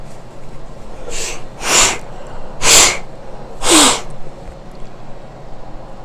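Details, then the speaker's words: Run of four sharp, hissing sneezes in quick succession over steady background noise; afterward a nosebleed. "I gotta sneeze. Hey, slow! Oh, that was a really powerful, nasty sneeze."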